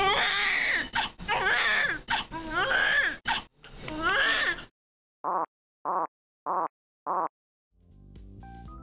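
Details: Simulated newborn crying in rising wails, then four short identical grunt-like bursts, upper airway sounds synchronized with breathing on the Newborn HAL S3010 patient simulator.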